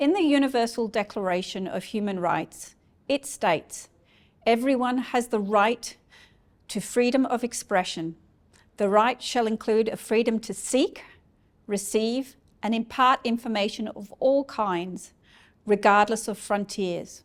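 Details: Adult woman; normal speech.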